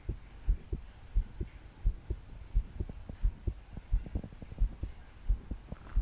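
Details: 22-year-old woman's strong, regular low thumps, about 88 per minute, with soft breathing while trying to calm down to sleep; body shaking with each beat; deep breaths didn't help; rain behind; forceful pounding heartbeat, palpitations.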